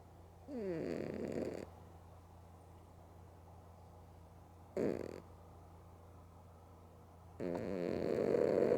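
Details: Loud rumbling snores in three bursts separated by quiet pauses over a low steady hum from a female cat sleeping with both eyes open; harmless sleep snoring.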